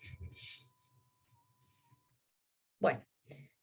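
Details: Simulated tinnitus demonstrated in an ENT talk: a faint, steady high beep-like pure tone under soft room noise and brief speech sounds, presented as a pure-tone type of tinnitus.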